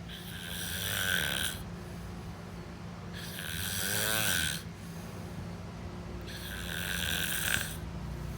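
Three loud rattling snores in about eight seconds, each a long noisy breath in with a throaty flutter, about 21 breaths a minute.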